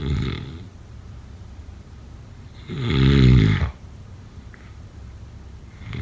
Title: Snoring sounds… #6